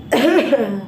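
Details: Adult woman with a cold, throat infection, itchy, hoarse throat and feeling feverish: a single short, voiced cough blending into throat clearing.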